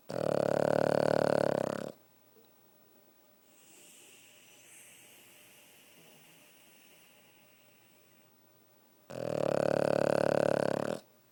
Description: Jake, our 6 year old Pug, snoring...